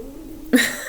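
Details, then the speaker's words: Adult's stomach growling after skipping breakfast and drinking a lot of coffee: a sudden short, low, tonal gurgling rumble after a faint steady hum; borborygmi. "my goodness got noises going on everywhere in my stomach um I don't know what that is guys"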